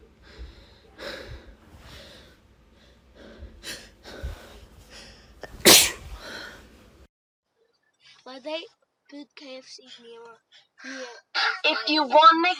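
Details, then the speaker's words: An adult woman, already past 50 sneezes, has a breathy build-up and then one loud, sharp sneeze, followed by voices in a quieter space; sneezing. "Already done 50 sneezes, but there's another one coming."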